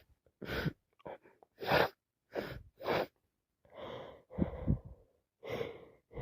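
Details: Person with a severe head cold: repeated sharp wet sneezes with heavy spray, snorts, sighing breaths and sniffling, nose dripping; sneezing and sniffling.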